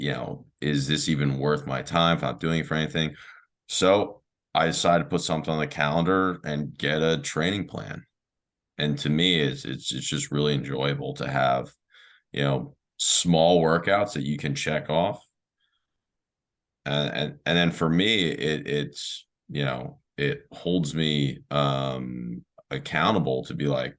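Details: Adult man who has stuttered since he was young, with speech therapy in childhood, his teens and early adulthood; stuttering.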